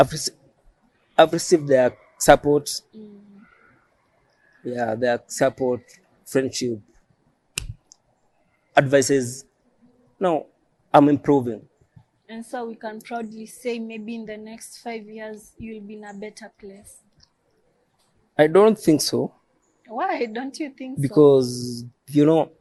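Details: Adult man who stammers, self-described as neurological stammering present since birth; stuttering.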